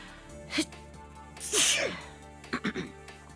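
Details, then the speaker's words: Adult sneezer who sneezes daily, recorded casually: a short breath-in, then one loud, sharp sneeze and a few quick breathy sounds afterward, over faint background music. "i am still sneezing every day it's just that uh i don't have time to record them"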